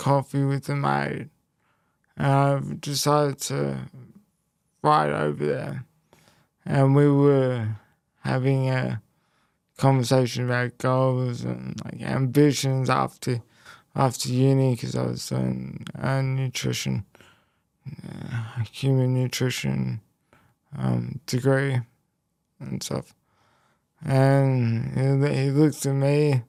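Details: Male who had a haemorrhagic stroke at age 12 affecting the left brain and right body, followed by a five-week induced coma, with speech most affected and relearned and slower information processing; mild speech impairment after stroke.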